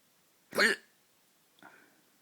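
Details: Late-night hiccups: one sharp, abrupt hiccup with a voiced catch, then a softer second hiccup about a second later.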